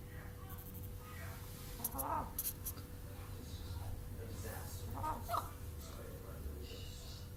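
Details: A chicken sneezing; sneezing.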